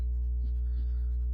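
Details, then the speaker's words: One faint lub-dub pair under a loud steady hum, from a teaching recording in a biology lesson: normal first (AV valves, lub) and second (dub) heart sounds. "so it tells you the atrial ventricular valves or the lub and then the other valves are the dub that's how we get these heart sounds"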